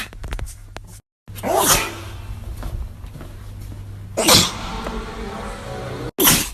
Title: Big Nose Man Sneezing